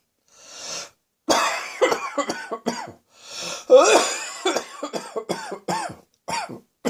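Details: Slightly chesty barking cough, lingering and recurring now and then, not entirely gone: two coughing fits, each after a deep breath in, with harsh, voiced, barking coughs.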